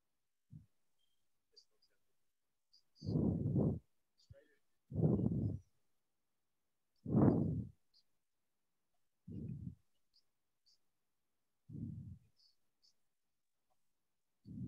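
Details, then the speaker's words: Harsh, rasping inspiratory stridor, about 28 breaths a minute, from a narrowed upper airway, played as a teaching example in a paediatrics lecture on croup, acute epiglottitis and laryngomalacia. "এ হচ্ছে স্ট্রাইডর sound তো আশা করি এখন আপনাদের যেহেতু কানে শব্দটা গেছে আশা করি যে এরকম কোন শব্দ যখন শুনতে পাবেন হ্যাঁ পেশেন্টের কাছে তখন বুঝতে পারবেন যে এটা স্ট্রাইডর আর এটা হচ্ছে ইন্সপিরেশন ডিউরিং ইন্সপিরেশন অর্থাৎ শ্বাস নেওয়ার সময় এটা হচ্ছে"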